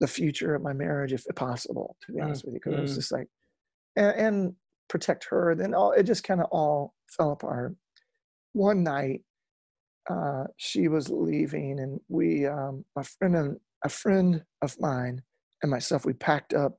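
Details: Adult male lead singer with incurable spasmodic dysphonia that began at the height of his music career and was first mistaken for hoarseness; he still struggles with it and says it is audible in his speech; spasmodic dysphonia.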